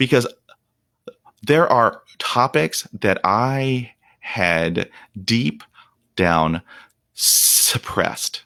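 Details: Real, unedited speech of an adult man who stutters. Onset was at age five, when shock/trauma from a German Shepherd attack dropped his fluency to 0%. He reports blocks in which he turns red and stops breathing. Stuttering.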